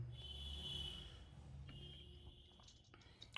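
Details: A single low, rattling snore-like rumble during an online class recording, over steady electronic hum and a faint high whine, then quieter background noise. Snoring.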